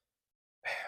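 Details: Vocal tic in an adult with Tourette syndrome (also Asperger's, ADHD, OCD, and a stutter), occurring while talking.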